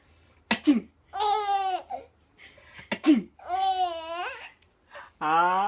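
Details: Father sneezing: two sharp sneeze bursts, each followed by a baby's laughter; ordinary sneezes.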